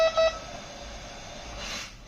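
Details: Two short electronic beeps from a VIVO 2 BiPAP ventilator confirming a mode change to T mode, followed by quiet machine hum; a normal device confirmation tone.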